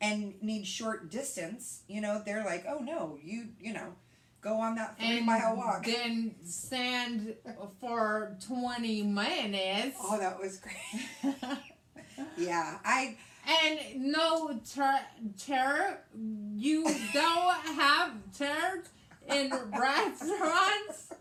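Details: Post-stroke aphasia in a woman after a hemorrhagic stroke on May 19, 2020, with right-sided hemiparesis, brain surgery and an ICU stay; the aphasia also affects her reading and writing. She speaks in conversation. Finding: aphasia.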